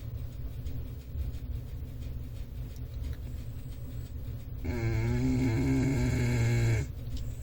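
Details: A large domestic cat sleeping: over steady room noise, one drawn-out, buzzing snore of about two seconds.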